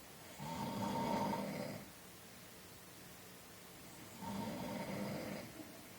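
Two long rumbling snores on the in-breath, about four seconds apart, with quiet breathing between; ordinary sleep snoring.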